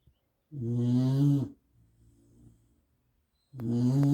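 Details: Sleeping dog Ruby snoring: loud, low buzzing in-breaths about three seconds apart with faint quiet breathing between.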